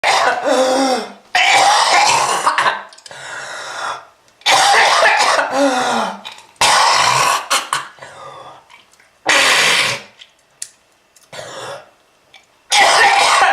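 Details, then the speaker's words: Smoker with lung disease coughing up red-coloured sputum: loud, harsh, prolonged coughing bouts with hacking and gurgling throat clearing; severe wet cough. "That red color is not from Fruit Punch, kids. If you want this to happen to you, just keep smoking. This is lung disease."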